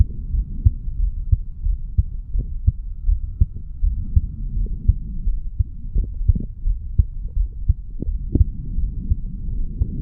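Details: Heartbeat of a 35-year-old male recorded at the mitral/bicuspid valve area after doing weights: steady low thumps at about 86 a minute over a constant rumbling hum.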